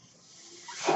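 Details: The speaker's own mechanical ventilator, which they say is the noise heard: a soft airy hiss swells steadily louder over about a second as it pushes air in a breath.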